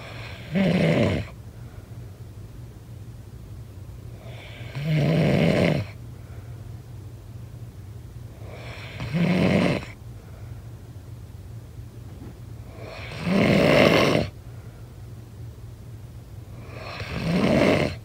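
Loud rattling snores on each breath in, about 14 a minute, with quiet breathing out between them.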